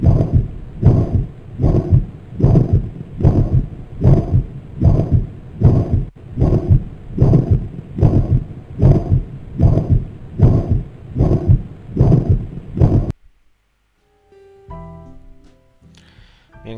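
Regular heartbeat at about 75 beats a minute with a loud, harsh murmur filling all of systole, largely masking the first and second heart sounds. This holosystolic murmur is typical of mitral regurgitation, blood leaking back through the mitral valve. Brief faint tones follow at the end.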